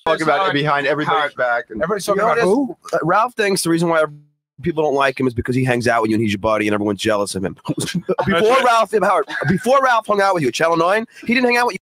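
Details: Adult male speaker; normal fluent speech.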